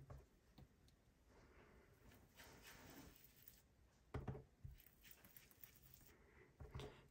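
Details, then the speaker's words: A few quick, faint sneezes from a three-month-old puppy in the background over soft rubbing and scraping; puppy sneeze. "hear my puppy sneezing i can't believe he's three months today three months yeah he's three months already"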